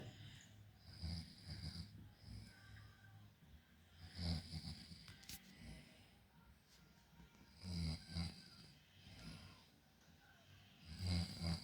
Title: snoring challenge 😴 between me and her. . .who takes the award????🤣🤣🤣